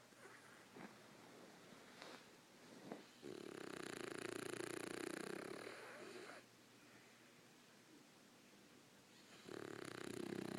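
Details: Snoring: two long, rough, noisy breaths a few seconds apart over quiet room noise, fitting a sleeping animal snoring.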